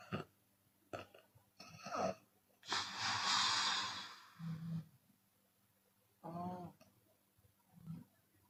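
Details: Open-mouth snoring in a sleeping Chinese woman, with occasional exhalation: rough rasping breaths with a long noisy exhale and snorting vibrations.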